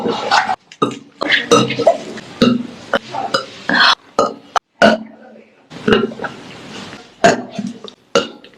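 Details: Female singer burping during livestreams, compilation: a run of loud, voiced belches in quick succession with short gaps between them; repeated burping.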